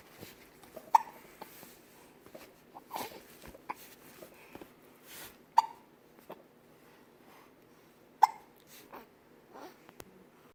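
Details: Sharp, short hiccup sounds recurring irregularly, about three in ten seconds, among soft breathing and small noises; hiccups.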